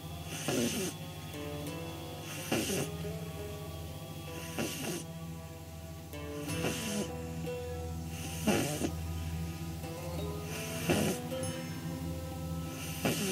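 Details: Snoring in a 9-week-old pug puppy sleeping on her back with eyes rolled back; soft snorting snores about every two seconds, roughly 29 a minute, under steady background music; phone recording.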